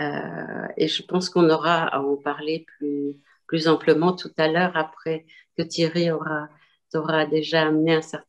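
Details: Adult speaker; normal voice.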